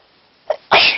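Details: Person with a head cold tries to talk and is cut off by a quick in-breath catch, then one loud, forceful sneeze; sneezing with a cold.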